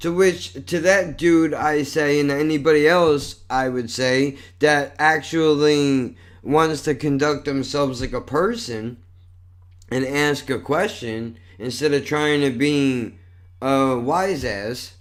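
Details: Adult male with cerebral palsy and multiple sclerosis, a neurological disorder he says affects his speech and involves some body movement: dysarthria.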